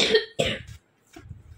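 Two short harsh coughs in quick succession, then quiet room noise: an adult coughing.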